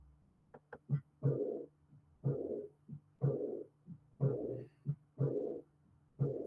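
Heart sounds at about 60 a minute, each beat followed by a loud blowing murmur starting right after the second sound: early diastolic murmur of aortic regurgitation.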